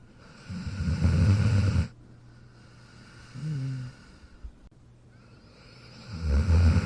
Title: Jack Sleeping & Snoring in his Dog Bed in 43 seconds